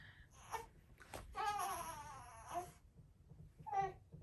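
Short bursts of fussy crying from a newborn, rising into a brief wail, with quiet gaps between; an ordinary newborn cry.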